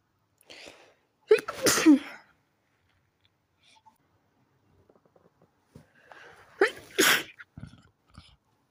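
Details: Nighttime sneezing while trying to sleep, attributed to a sensitive nose: two forceful sneezes, each with a short inhaled lead-in and an explosive burst, several seconds apart.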